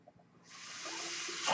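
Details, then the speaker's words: The speaker's own home mechanical ventilator: a brief quiet moment, then a steady rising rush of air with a faint low hum as it pushes a breath. "hello everyone that noise you're hearing is my ventilator and welcome to page turners they were not my story's right just"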